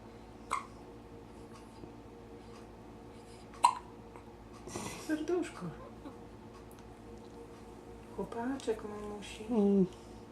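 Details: Baby boy, just fed, makes two sharp, abrupt hiccup sounds among soft coos and fussing noises; infant hiccups.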